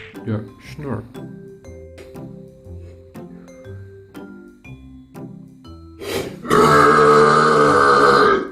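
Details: Several short voiced burps in a row, then a long loud belch, over background music; deliberately performed burps in a burp demonstration.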